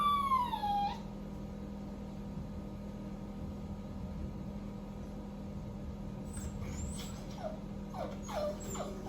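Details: A 3-month-old male Cockapoo puppy gives a high falling whine, then a run of short, high, thin whimpers over steady room hum. He cries when left alone while his owner bathes: separation crying.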